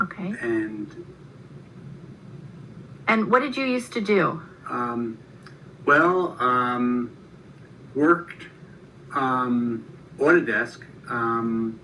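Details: Broca's (non-fluent) aphasia in an adult man 7 years after a stroke, with good comprehension; he usually answers in one or two words.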